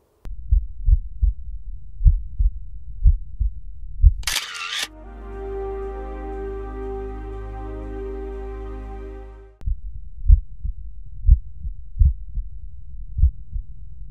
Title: Auscultació cardíaca